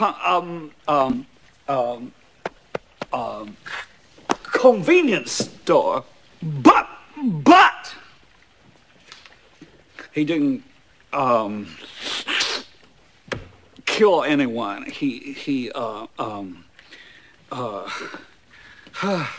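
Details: Acted film scene of a lawyer character who stutters, with repetitions and filler words while addressing the court; stuttering.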